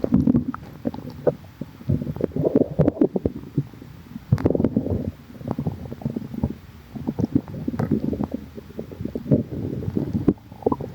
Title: water in tummy | stomach growling